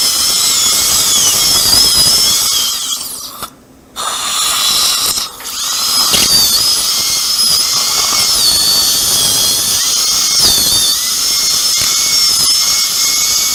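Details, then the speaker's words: High-pitched dental drill whine, dipping in pitch as it bites, with one brief stop and water spray hiss: a diamond bur sectioning an upper second molar for immediate implant placement with no sound bone under the sinus floor. "커팅을 하는게 좋겠습니다. 다이아몬드 보어 줄래요? 이거는 커팅은 잘 되는데 바브레이션이 커요."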